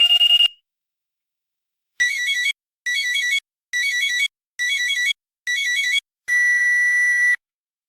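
A short tone, then five evenly spaced warbling electronic beeps and a longer steady final tone: a dental X-ray machine's exposure signal.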